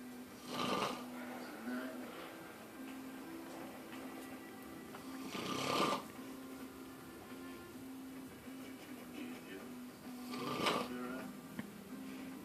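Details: Grandfather snoring loudly enough to be heard upstairs through a shut door: three rough snoring inhalations about every five seconds, roughly 12 breaths a minute, with a steady background hum.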